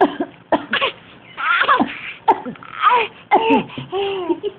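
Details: An infant makes short, voiced, deliberate cough-like bursts mixed with playful vocal sounds, a voluntary fake cough.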